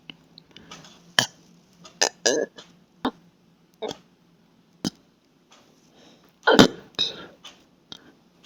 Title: Burps an little stomach gurgles